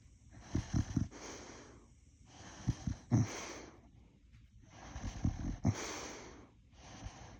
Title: Boxer dog snoring 😴 #shorts #short #shortvideo